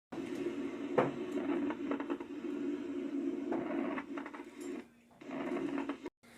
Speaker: vamos a iniciar con los crepitantes que estos son consecuencia de la presencia del líquido en los alveolos pueden ocultarse como un burbujeo como si pisara las hojas secas o también se arrugarán un papel suelen aparecer al final de la inspiración